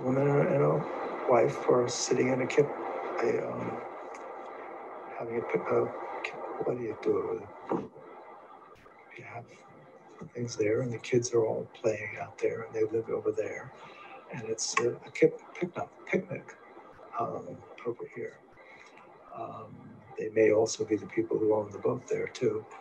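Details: Patient with primary progressive aphasia, a frontotemporal disorder, describing a picnic scene picture; logopenic variant primary progressive aphasia.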